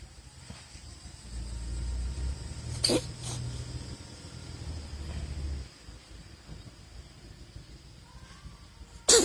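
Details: Cat sneezing three times: sharp hissing bursts over a low background rumble.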